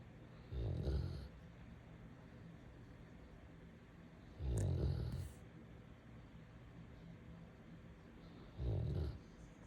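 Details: Golden retriever snoring while asleep: slow, regular, low rumbles, about 15 a minute.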